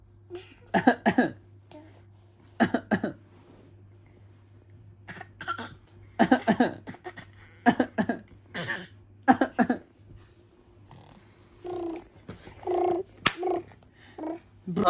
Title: 8 month old baby copying his daddy’s cough😅🤣